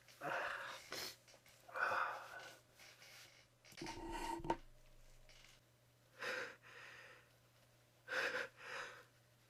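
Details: Sneezes into a handkerchief: about five muffled sneezes, each a short breath in followed by a damped burst; sneezing.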